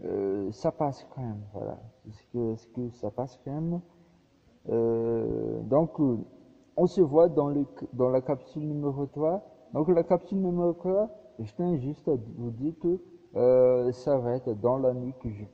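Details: Man speaking French who says his stuttering is audible here; stuttering.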